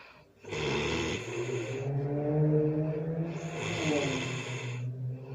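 Long, loud, rumbling snores with a droning, vibrating tone on both breaths in and out during sleep.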